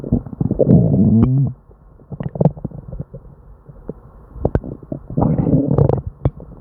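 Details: Person with diarrhea and an upset stomach: loud, nearly continuous gurgling and rumbling with bubbly pops, hyperactive bowel sounds (borborygmi).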